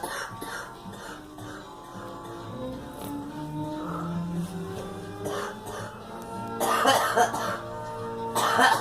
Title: Girl coughing